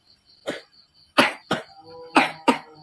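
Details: Child giving five short, sharp coughs, acted as a sore-throat cough; cough.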